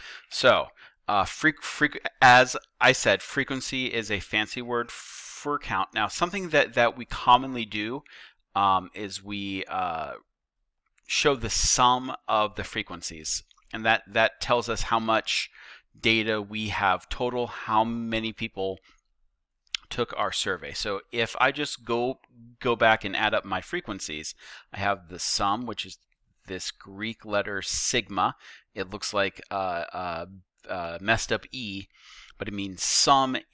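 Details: Stuttering in a male teacher who says he stutters; he notes that the repetitions heard are his own stuttering, not video buffering.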